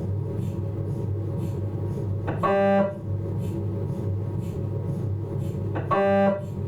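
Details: MRI scanner noise from a Philips 1.5T abdominal scan: steady low droning hum with two brief louder buzzing tones repeating.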